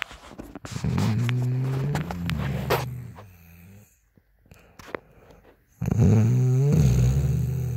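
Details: Woman snoring: loud, rough, rattling snores on breathing in, with quieter pauses between, typical snoring.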